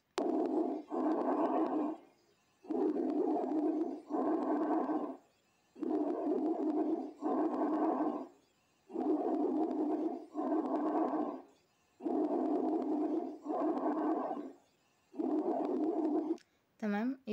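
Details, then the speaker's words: Lung auscultation teaching example: loud, hollow, tubular breath sounds, high-pitched, with a short pause between inspiration and a longer expiration, about 19 breaths a minute: bronchial breath sound. "احنا دلوقتي بنسمع اللي هو البرونك بريست ساوند والمفروض البرونك بريست ساوند هو هاي بيتش بس اقل من التراكي لكن هو اعلى من الكلر تمام"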